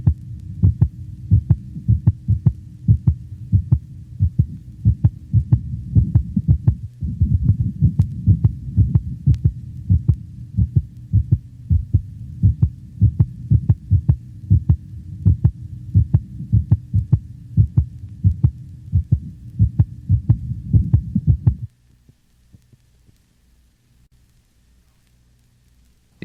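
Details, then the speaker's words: Normal dog, likely standing: regular crisp heartbeats with a single, unsplit first heart sound, for comparison with a large dog's split first sound; normal heart sounds. "compare the split first heart sound in the previous band to that of a normal dog without a split first sound"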